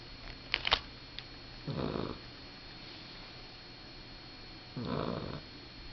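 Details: Sleeping male puppy: two soft, rasping snoring breaths a few seconds apart over low room hiss, with a few clicks early on; gentle snoring.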